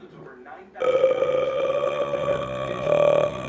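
A quiet start, then a loud, drawn-out throaty belch lasting nearly three seconds: a prolonged burp.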